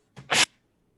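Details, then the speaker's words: A single abrupt adult sneeze, big and wet-sounding: a brief in-breath, then a loud, hissing explosive burst. "That sounded wet. It was a big sneeze."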